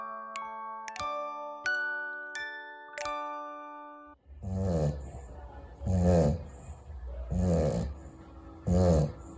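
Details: A male Pekingese-Chihuahua mix rescue dog falls asleep and snores: chiming music gives way to four rhythmic, rattling snores, roughly 40 a minute.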